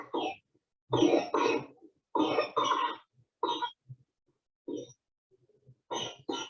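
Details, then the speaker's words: Young child with RSV bronchiolitis: repeated loose, very wet coughs, described as classic for RSV. "you can hear that very wet cough that's very classic for rsv"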